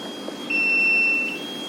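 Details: Level 1 Fast Flow rapid infuser used in OT/ICU: a single steady high-pitched electronic beep under a second, the start-up tone after power-on, over faint room noise.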